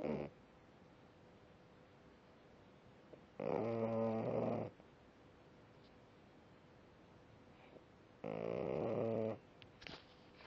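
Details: French bulldog snoring while asleep: two loud rattling snores about a second long, a few seconds apart, with quiet breathing between.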